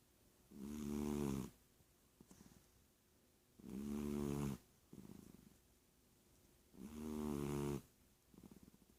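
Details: Three slow, rumbling, voiced snores about 3 seconds apart, roughly 19 a minute, with quiet exhalations between, from a cat sleeping on its owner's arm during the day: snoring.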